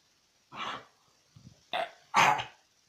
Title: Dog cough